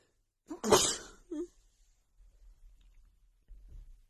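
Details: Adult female with a bad, stuffy cold: a quick intake of breath, then one forceful sneeze and a smaller follow-up sound. Sneeze.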